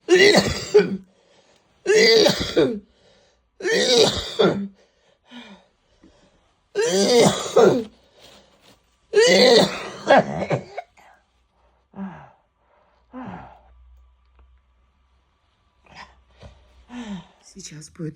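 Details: Adult woman with bronchitis, cough began after fog, ill about 10 days: five strong, harsh, congested coughs in a row, then softer coughs and throat clearing.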